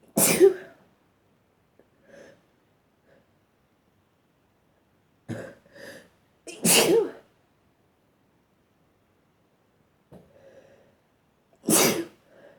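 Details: Person sneezing repeatedly in a quiet room, with several strong, explosive, wet sneezes mixed with softer stifled ones and quiet breaths between: a sneezing bout.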